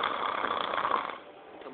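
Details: Snoring in a sleeping person tired from work: a single loud, rattling snore that fades toward the end.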